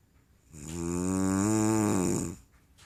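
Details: Adult woman (wife) snoring very loudly in sleep: one long, loud, droning snore lasting nearly two seconds with a buzzing, almost tonal quality; she denies snoring.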